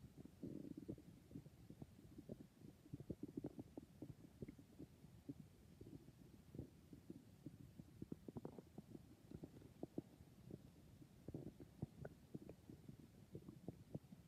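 Continuous low gurgles, bubbling pops and rumbles from the belly; ordinary stomach growling.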